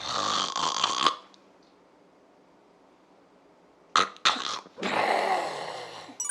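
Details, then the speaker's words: Snoring with apnea pause: loud rattling snore, then about three seconds of silence before breathing resumes with snorting gasps, illustrating sleep apnea, repeated stopping of breathing during sleep, usually with snoring, causing frequent night waking. "Sleep apnea is, as the name suggests, When you stop breathing while sleeping, Again Resting It's a repetitive state. Most patients like this also snore."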